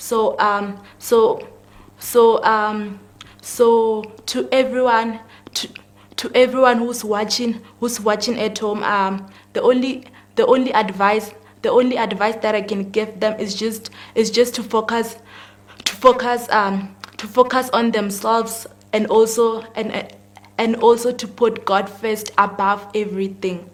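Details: 19-year-old female grade 12 student with stuttering, heard as word and phrase repetitions; stuttering.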